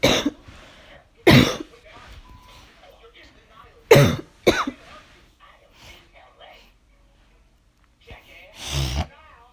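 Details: Person who thinks they have caught a cold: four or five harsh coughs with throat clearing and quiet breathy sounds between them.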